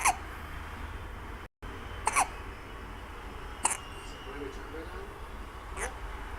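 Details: Four short, abrupt hiccups at irregular intervals, about 28 a minute, against faint room noise; hiccups.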